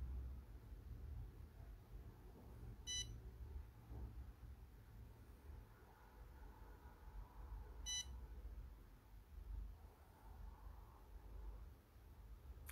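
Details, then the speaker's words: Dental curing lamp timer set to 20-second intervals: two short electronic beeps about five seconds apart over a low room hum, while composite over a titanium thread is light-polymerized in a podology procedure. "им подержать 20 секунд 20 40 секунд у них у этих ламп есть таймер я устанавливаю на 20 секунд например еще 20"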